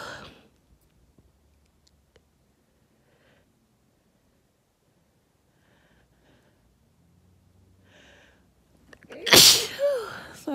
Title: Uncovered dusty sneezes